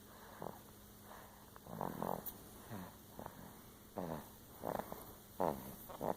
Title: Korrie snoring